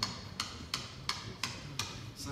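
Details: Live tibial tubercle medialization surgery: seven sharp, evenly spaced metallic taps about every third of a second as a mallet drives a chisel through bone in the tibial tubercle osteotomy.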